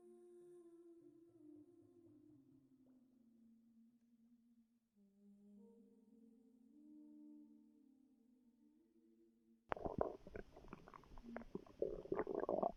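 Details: Stomach growling in a pregnant woman, relaxing before contractions began: a long, soft, wavering growl rising and falling in pitch, then louder gurgling bubbles; normal bowel activity.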